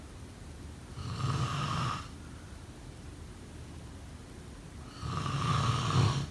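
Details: Snoring: two low, rattling snores on inhalation about four seconds apart, with quiet breathing between them.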